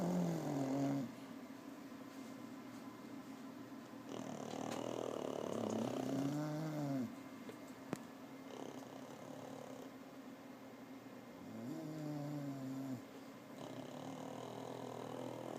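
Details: Snoring in a sleeping bulldog and pug together: rumbling, whistling snores with squeaky nasal tones at the end of breaths, repeating every few seconds.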